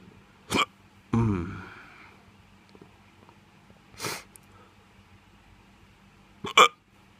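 Four abrupt, sharp gulping bursts spaced a few seconds apart, with a brief vocal sound after one: hiccups in an intoxicated adult.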